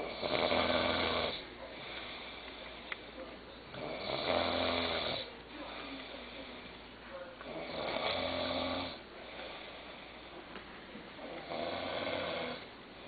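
Loud, rough rattling snores on the in-breath, with quieter breaths between, about four cycles in thirteen seconds.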